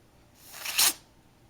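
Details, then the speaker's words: Single short, hissing sneeze from a kitten that has sneezed about 20 times in a row; owner suspects something is irritating his nose. "Seller's kitten, Pharaoh, cannot stop sneezing. He's already sneezed like 20 times in a row. I think something's probably just irritating his nose."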